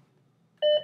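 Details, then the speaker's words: Philips OnSite/Home AED during a routine maintenance self-test: a single short, clear electronic beep as the flashing orange button is pressed. AED button-press beep. "If the orange button is flashing, press it. It is safe to press the flashing orange button."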